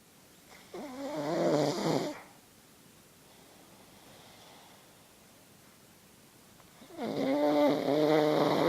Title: pug snoring [alfie]